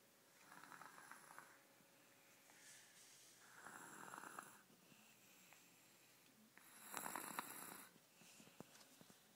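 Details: Three soft, rough snoring breaths at uneven spacing in a quiet room; ordinary snoring.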